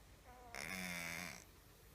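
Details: 6-year-old female cat with snoring-like noise for 1 month, mostly when resting or sleeping, at the top of inhalation, from the throat, often mouth breathing, no improvement after 3 weeks of antibiotics: single rattling, buzzy inspiratory snore; stertor.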